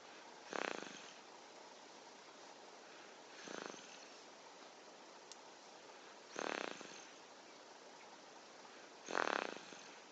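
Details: Snoring in a 6-month-old baby boy: four short, soft, rattly snores at irregular intervals of about 3 seconds over quiet room hiss.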